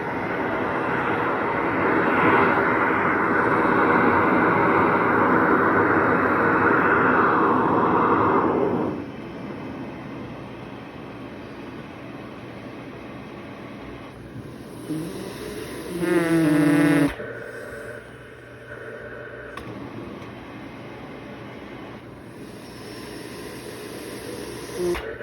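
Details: A patient's cough assist machine (mechanical insufflation-exsufflation) routine after a small setting change: a steady blower roar for several seconds, then a quieter stretch with a brief rising whine.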